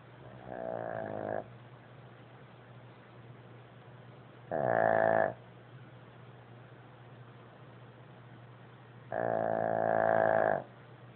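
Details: Pug asleep with three buzzing, tonal snoring breaths every four to five seconds, roughly 13 per minute, with quiet pauses between; snoring.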